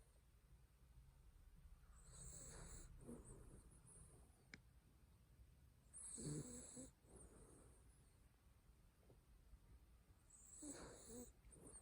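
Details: Sleeping dachshund with three slow, rough, low-pitched snores about every four seconds, with a faint whistle on some; snoring.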